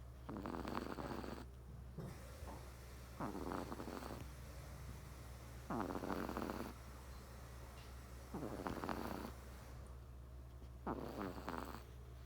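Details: Three-month-old Persian kitten sleeping, with rasping, fluttering snores in regular bursts on each breath, about a dozen a minute, over a steady low hum: kitten snoring.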